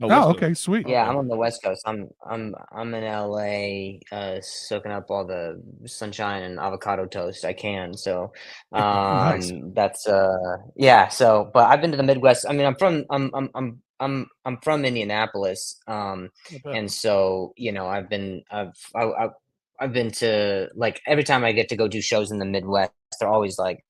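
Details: Adult male with acquired stuttering, onset at age 20 after a softball hit his throat, causing vocal contusion and traumatic brain injury; blips, repetitions and blocks in conversation; stuttering.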